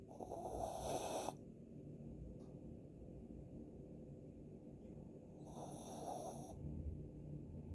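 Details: Two soft, rasping snores about five seconds apart from a small dog, with quiet breathing and room noise between them: snoring.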